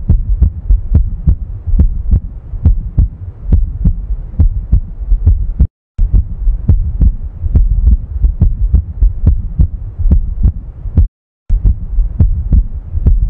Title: Heart sound #health #heart #heartbeat